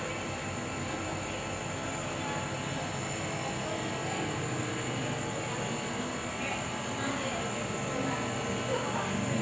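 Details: Nebulizer treatment at a doctor's clinic for shortness of breath caused by cough, patient later recovered: steady mechanical hum and hiss of the nebulizer compressor running.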